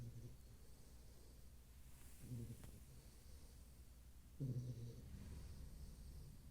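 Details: Bullmastiff (possibly puppy) asleep, with soft low rumbling breaths and a few snorty snores spaced a couple of seconds apart; quiet snoring.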